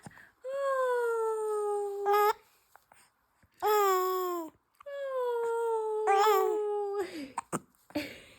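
Three drawn-out, high-pitched crying wails with breaks for breath, typical of an infant's cry.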